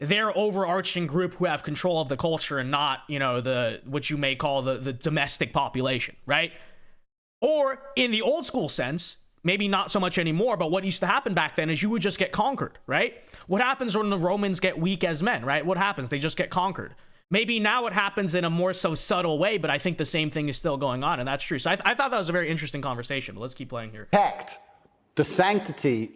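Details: Adult male speaker; normal speech.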